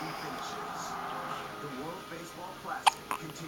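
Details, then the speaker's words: Small child named as a kid of the speaker, with an adult voice then two short sharp hiccups close together near the end; hiccups. "You got the little hiccups, don't you?"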